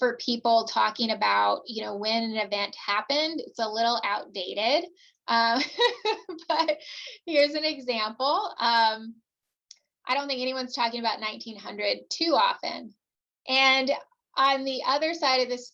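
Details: Adult woman presenter; typical speech.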